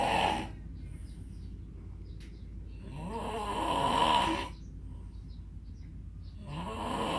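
Rough breaths rise and fall in cycles with a whistling, throaty quality over room noise; snoring during sleep.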